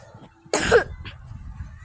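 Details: Single short, harsh cough with a throat-clearing quality over quiet room noise, from a person who says they have a cough and fever; cough.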